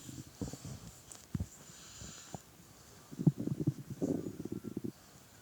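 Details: Soft, low gurgles and bubbling rumbles in short clusters, heard with an ear resting on a hungry adult man's belly while he played a game, against faint background noise: normal hunger borborygmi.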